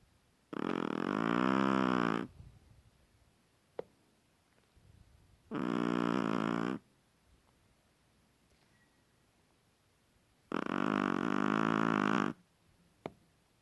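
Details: 7-month-old female long-haired Chihuahua snoring during sleep: three long, loud, buzzing, rattling snores on inhalation with quiet pauses between, roughly 13 breaths a minute.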